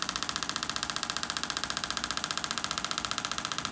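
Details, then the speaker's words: Shockwave therapy applicator on the heel (calcaneus) of a patient with years of chronic ankle pain after vehicle accidents and ankle fractures: loud, rapid, regular clicking pulses about 128/min; the tone shifts when it passes over scar tissue, adhesions or a bone spur. "Sounds like that, it's pretty loud. All right, so I do need to make adequate pressure and contact for this to work effectively. And as I move the apparatus around, you will hear a different noise frequency."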